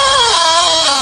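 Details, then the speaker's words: Drill-type snoring, attributed to poor sleeping posture compressing the upper airway: high, whining, buzzing snore with gliding pitch like an electric drill; noisy but not serious. "一般呢是因为睡觉姿势不对呢，压迫上气道，会有些呢吵，但是呢没啥事儿。"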